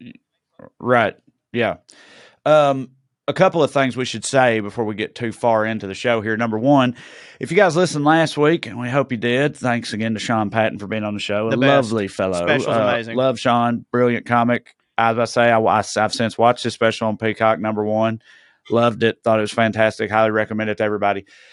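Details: Adult male speaker; normal speech.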